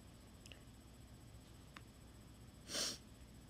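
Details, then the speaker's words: Person deliberately attempting to sneeze gives a single short, hissing sneeze burst after a few faint sniffs, against quiet room noise; sneezing. "Okay, so I know I have not made a sneezing video in forever. So I've got this, and I'm going to attempt sneezing again."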